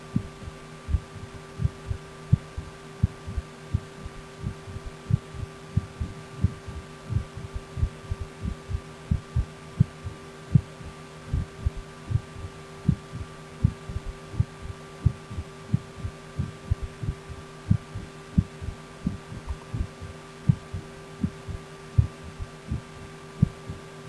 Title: My Heart Heartbeat Auscultation